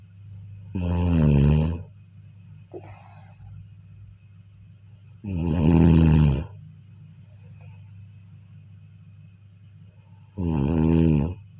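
Three loud, deep, vibrating snores about five seconds apart, roughly 12 a minute, with quiet breathing and a low hum between.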